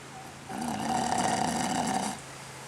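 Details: A single drawn-out, rattling, loud and buzzy snore lasting under two seconds, from a dog snoring even with its eyes open.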